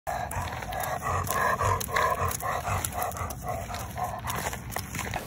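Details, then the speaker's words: A dog panting rapidly and loudly, with a harsh, honking rasp on each breath; this is inspiratory stridor from laryngeal paralysis. "your dog panting a lot, making these loud breathing noises? He or she may have a condition called laryngeal paralysis."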